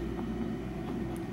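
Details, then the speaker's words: Hill-Rom Vest 105 high-frequency chest wall oscillation vest, used for cystic fibrosis airway clearance, starting up: steady low mechanical hum with faint rapid pulsing, starting slowly and ramping toward the set speed; a slower setting sounds unusual. "it goes uh so it starts off slowly and it works its way up to whatever speed you've had you have it set out whoa that slower setting is weird"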